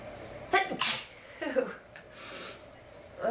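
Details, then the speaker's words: A person with a bad head cold and stuffy nose deliberately making themselves sneeze: a breathy intake, then two sharp sneezes in quick succession, in a quiet room. "Feels good to sneeze though."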